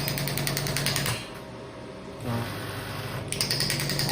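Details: Biotronix radial pneumatic extracorporeal shockwave (ESWT) device, combined with 1 MHz therapeutic ultrasound, pressure range 5–12 bar, firing rapid rattling pulses about four a second, pausing briefly then resuming as the shot counter runs.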